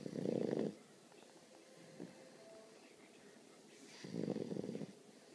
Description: my Great Dane puppy snoring